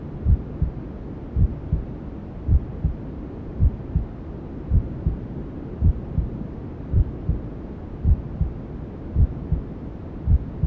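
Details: Maternal heartbeat sound with white noise and other womb sounds, for settling a newborn to sleep: regular soft double thumps near 54 a minute over a steady hiss.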